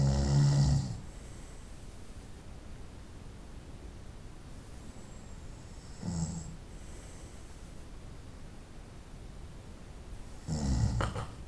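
Three low, rough snoring bursts roughly every five seconds against quiet room noise; ordinary night-time snoring.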